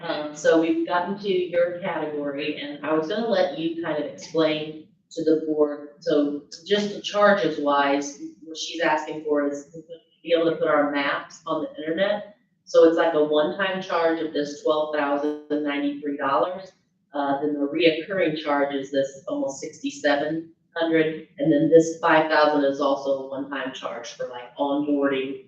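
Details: Adult speaker in a meeting room; Ordinary speech.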